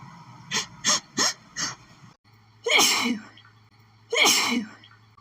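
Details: Itchy, tickly sneezing fit from flowers, tried to stifle: four quick sneezes in a row, then two louder, fuller sneezes with sharp breaths in before them; six sneezes.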